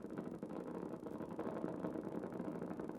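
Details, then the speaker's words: Needle EMG of the extensor digitorum brevis as the patient brings the toes back with increasing effort: a dense, rumbling crackle of overlapping motor units filling the screen, a normal full recruitment pattern. "so i'm looking for the the moto units getting more of them looking at their firing pattern and looking at to see if they fill the screen and they all did and that was good"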